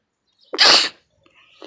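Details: A single loud, sharp sneeze recorded outdoors, with a brief in-breath before the burst; sneeze.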